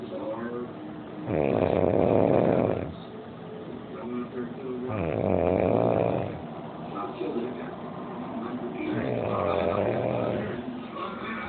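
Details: Person snoring loudly: three loud, rough, vibrating snores about four seconds apart, near 15 breaths a minute, with quieter breathing between.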